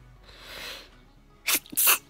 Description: A Compilation of sneezes to catch up on the backlog of videos.